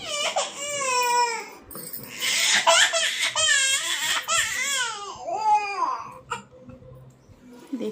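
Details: Toddler girl, feverish all night with a bandage, brought to hospital; doctor said the child must be kept from the cold. She cries loudly in distressed wailing bursts with sobbing breaths, fading; adult voice briefly heard.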